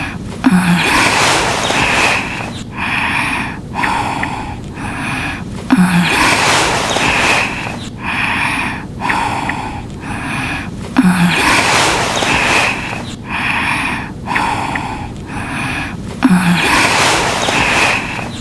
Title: Rito Snoring Sound Effect (Looped For 110 Seconds)